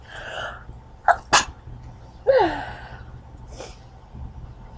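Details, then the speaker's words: Two sharp, explosive sneezes in quick succession outdoors, followed by a short exclamation; repeated sneezing. "man I need to I need to do something that's going to make me not sneeze anymore"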